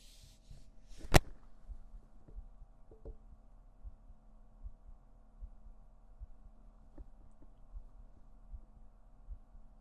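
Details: Faint, regular low heart thumps at about 80 a minute under steady electrical hum, during an ASMR stream; normal heartbeat.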